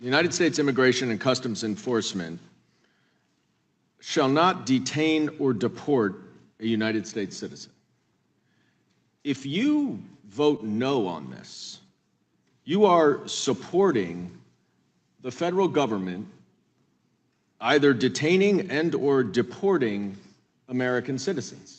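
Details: Adult male speaker; Normal speech.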